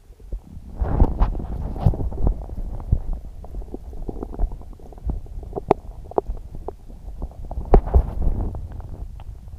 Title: Upset stomach growling